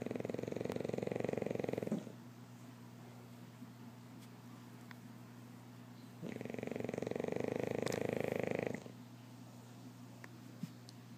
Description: Beast snoring away. This girl cracks me up!